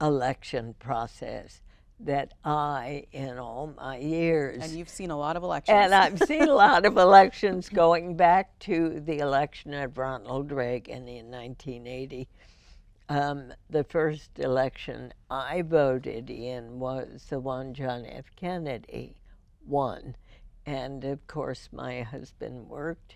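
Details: Adult female with spasmodic dysphonia diagnosed in 1998, treated every four months with botulinum toxin injections into the vocal cords; voice described as imperfect; spasmodic dysphonia.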